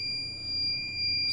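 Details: Phoenix resuscitator under test during repair of a no-power fault with a repaired power supply board: a steady high-pitched electronic alarm tone sounds continuously, with faint room noise beneath; a medical device alarm.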